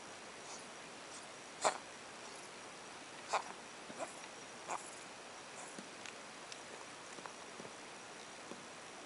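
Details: Cat coughing, recorded 18 March 2016: about four short, sharp, explosive bursts over nine seconds in a quiet room, with silence between them.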